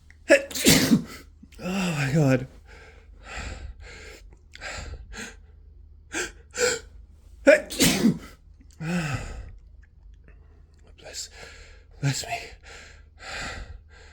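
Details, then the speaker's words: Sneezing fit in a person with flu: two forceful sneezes with several gasping in-breaths and smaller bursts between them. "I feel another sneeze I really really have to sneeze"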